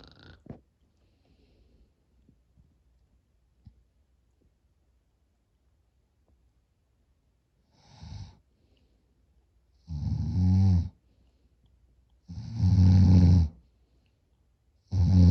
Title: Short nap with big time snoring and sleep apnea.